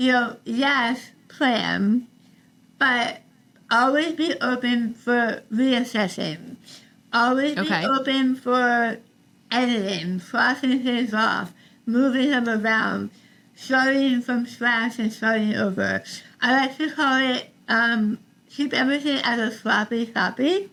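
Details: Adult woman about 3 years after stage 4 tongue cancer treatment: over half of tongue removed and rebuilt with forearm skin graft, neck dissection, 6 weeks of radiation and chemotherapy; altered speech since treatment, sometimes not understood by strangers; articulation disorder after partial glossectomy.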